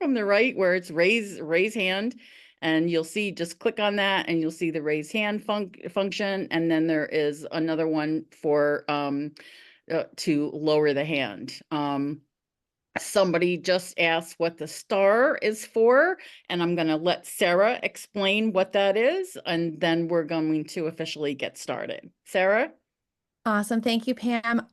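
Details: Stuttering in a woman who stutters; repeated syllables and words are heard.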